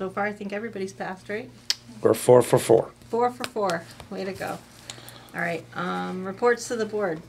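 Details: Adult speaker in a meeting room; normal speech.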